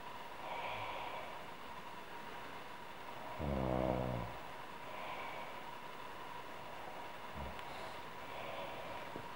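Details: Adult woman snoring, audio only: one short buzzing snore among soft breaths over a steady background hum; light snoring.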